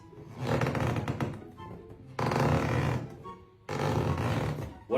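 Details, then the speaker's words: Pleural friction rub, as heard in conditions affecting the pleura such as pneumonia, pleuritis or pulmonary embolism: coarse, creaking bursts with each breath, about 36 per minute. "So for friction rub, think of conditions that affect the plura such as pneumonia, pluritis or PE. And it kind of sounds like this."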